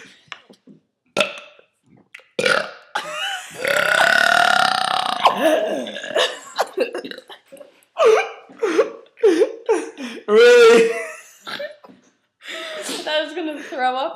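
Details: Students taking a break from homework to burp: a series of loud, drawn-out, rumbling belches with short pauses between them.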